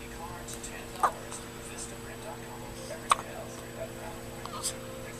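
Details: Newborn baby hiccups: three soft, brief hiccup catches over five seconds against a steady background hum.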